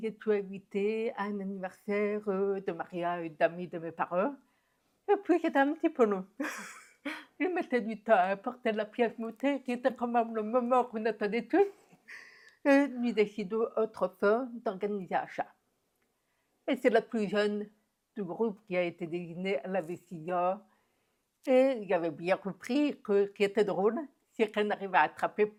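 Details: Woman deaf since infancy (diagnosed at 9 months), told she would never speak; never heard her own voice; learned speech through about 20 years of speech therapy; deaf speech.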